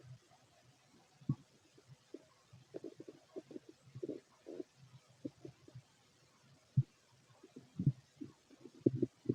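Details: Fit male, empty stomach: quiet, irregular low gurgles and brief rumbling bursts scattered over a few seconds; mild bowel sounds with fairly little activity.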